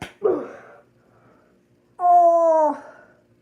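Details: Person sneezing: one sudden noisy burst of a sneeze, then a brief voiced sound and a quiet room.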